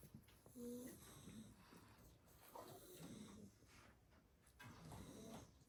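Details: Sleeping 7-week-old blue Staffordshire bull terrier puppies after two hours of play: soft, irregular snuffling snores and snorts, about 30 a minute, over faint room noise.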